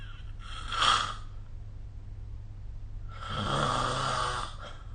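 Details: Snoring recorded with the SnoreLab app: two rough, noisy breathing sounds a few seconds apart from a sleeping adult, with a steady low hum behind; snoring.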